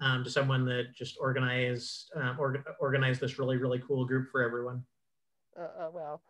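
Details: Cluttering in an adult man who identifies himself as a clutterer; repetitions and fillers heard.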